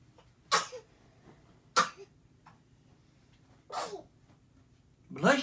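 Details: Several short, sharp bursts of air from an 8-month-old baby girl, each a small sneeze, with quiet room noise between them.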